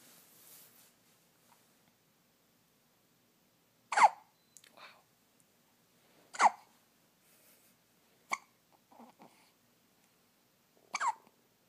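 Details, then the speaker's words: Newborn baby with hiccups: four sharp, brief hiccups several seconds apart, with soft breathing and small noises between. Hiccups. "That was a loud one."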